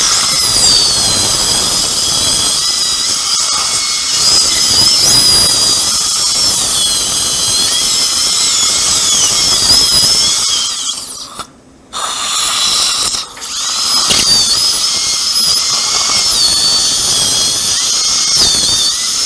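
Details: Upper second molar sectioned with a diamond bur before immediate implant placement, roots fused like a single root: continuous high-pitched dental drill whine with water spray and a brief pause as it cuts the tooth.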